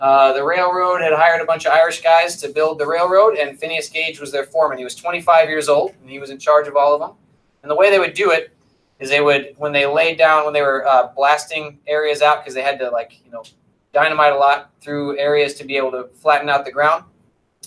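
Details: Adult man lecturing; ordinary speech.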